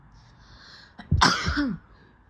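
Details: Person's own sneezing, one of seven sneezes: a single harsh, rasping expulsive burst with a short voiced tail; heard as throat clearing or a sneeze-like cough.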